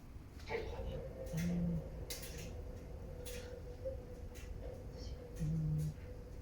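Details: Loud snoring from Bei Bei, a Scottish Fold cat wearing a cone for a red, swollen anal area from allergies of unknown cause, on a strict diet.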